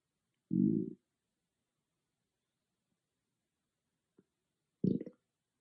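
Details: Two short, low gurgling rumbles separated by silence from a person's stomach, recorded on an iPhone without an ASMR microphone; stomach growling (borborygmi).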